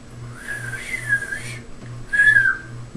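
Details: Two short whistled bursts, acted by a child who does not have Tourette syndrome, for a project demonstrating a whistling vocal tic of Tourette syndrome.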